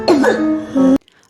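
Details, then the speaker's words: Child with a harsh, voiced barking cough in two quick bursts, described as a sign of laryngitis with laryngeal obstruction (croup); barking cough. "а если вы у ребёнка слышите вот такой лающий"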